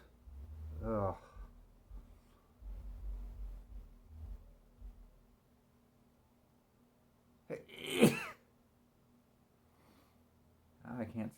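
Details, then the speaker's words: Adult sneezing from seasonal allergies, sneezing for about 10 minutes and unable to stop: a sharp, forceful sneeze after a short in-breath, quieter sneezy breaths before, a third starting at the end; room hum. "Allergies have been bad this year."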